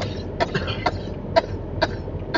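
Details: Adult woman with a bad, long-lasting cough that has never completely gone away, now with a sore throat; coughing.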